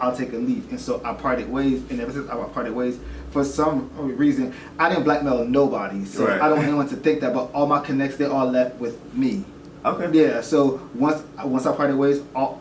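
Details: Adult man who says he stutters and at first did not want to show it on camera but later chose to turn it into a positive; stuttering.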